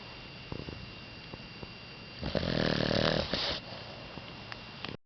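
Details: A sleeping pet gives one rough, rattling snore of about a second and a half, over steady quiet room hiss with a few faint clicks.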